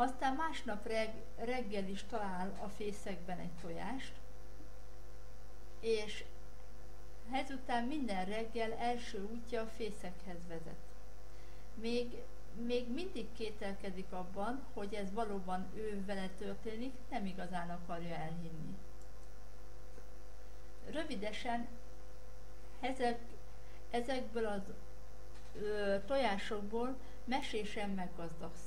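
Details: Hungarian woman telling a tale, with word repetitions and blocks; she attributes the blocks to vocal cord tension under stress; stuttering.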